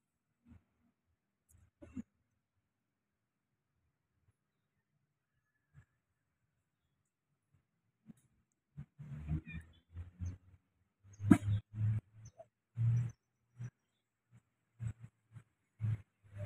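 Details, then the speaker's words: Cat coughing, which may sound like gagging or vomiting and may bring up foamy material: quiet start, then a run of short, low, harsh hacking bursts. "nah kucing yang batuk Mungkin terdengar seperti sedang-sedang atau muntah dan si kucing mungkin mengeluarkan zat berbusa yang terlihat seperti muntahan"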